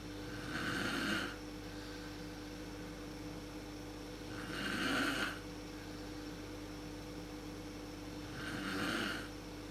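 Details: Mother snoring in a dark room, worst at sleep onset, recorded on a Canon PowerShot SX130 IS: three slow, rough, loud snores about four seconds apart over steady room hum.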